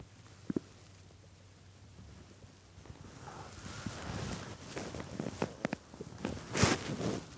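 Gurgling, creaking rumbles with popping bursts that build over several seconds; stomach growling from hunger, a normal gut sound.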